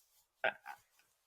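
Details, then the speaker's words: A sleeping dog in a quiet room makes two short, nasal snorting sounds: dog snoring. "we we already have a problem here between our dog who I'm sure you can hear right now snoring um and not coming to bed"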